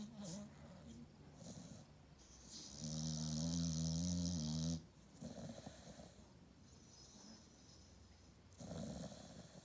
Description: Just my amstaff snoring 💤